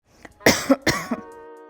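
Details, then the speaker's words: Acted nighttime dry cough in an adult, part of an advertisement for an expectorant: two sharp, dry coughs followed by a soft musical tone. "Afi, nem dormi essa noite. Essa tosse não me deu trégua."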